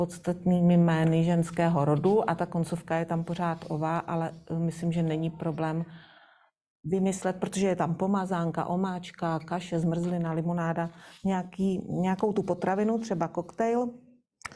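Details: Adult woman speaking Czech; Normal adult speech.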